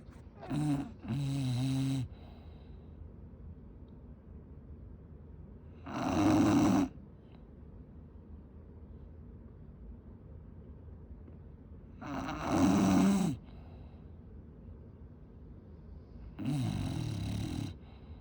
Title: Relax with Coco’s snoring #bulldog #englishbulldog #britishbulldog #cuteanimals #dogbreed #fypシ